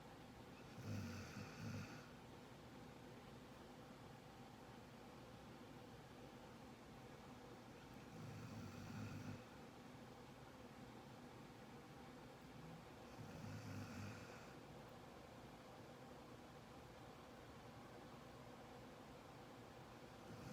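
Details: Three low rumbling snores at slow, spaced intervals over a steady background hum; ordinary snoring.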